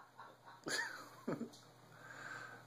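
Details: Hiccups, with speech possibly mentioning six hours: two sharp, abrupt gulping hiccups about half a second apart over quiet room noise.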